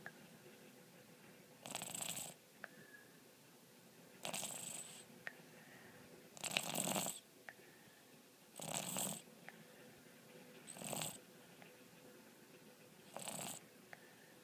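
Regular rasping snores from a sleeping cat, about six in fourteen seconds, roughly 25 a minute; ordinary harmless snoring.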